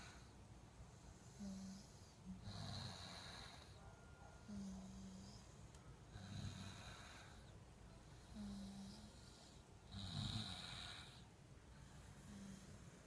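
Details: Slow, irregular snoring at night with low rumbling breaths and hissing exhales, about 16 breaths a minute; snoring.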